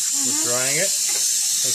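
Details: Steady loud hiss of a dental air syringe drying a child's back tooth during a sealant procedure, with a straw and cotton in the mouth and a brief child's voice over it.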